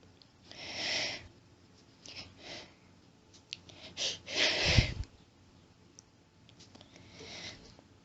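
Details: Woman's allergic sneezing fit with rapid groups, hitching and buildups: quiet hissing sniffs and breathy bursts, one stronger expulsive sneeze, with sniffling; sneezing fit.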